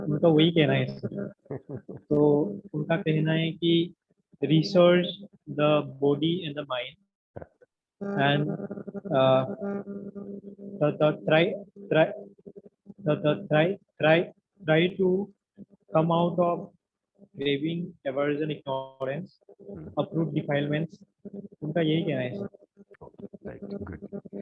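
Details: Member of a stammering self-help group speaking with repetitions during a discussion among stammerers; stuttering.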